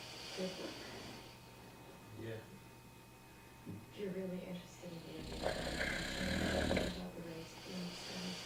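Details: Snoring: rough, fluttering breathing noises recurring through the clip over a low room hum.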